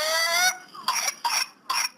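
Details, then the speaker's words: Toddler's whooping cough (pertussis, bacterial infection) paroxysm in the coughing-fit stage, filmed at home by a parent: a high-pitched drawn-in whoop followed by three sharp coughs. "that's pertussis whooping cough is also known as pertussis it's caused by a bacterial infection that is spread from one person with whooping cough to another person"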